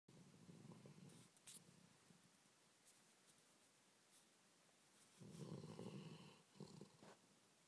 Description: Oct 2010 / Happy sleeps most of the time and snores!! :p